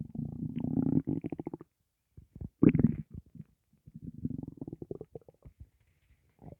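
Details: Bursts of low gurgling stomach rumbling with short pauses, occurring with breathing in and out; gas and air in the gut, possibly from hunger; borborygmi.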